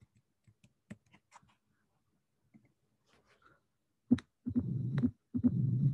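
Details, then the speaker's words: Tricuspid stenosis on auscultation: a three-sound rhythm of first sound, second sound and a sharp high-frequency opening snap, then a low diastolic rumble of increasing intensity showing cyclic respiratory variation. "The finding number one is that we have a rhythm with three sounds that are first sound, second sound, and opening snap is a high frequency. Then the other finding is that we have the diastolic rumble."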